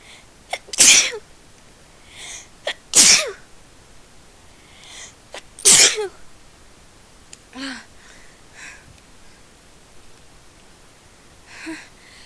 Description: I'm doing this video on a request. I sneezed thrity times in a row.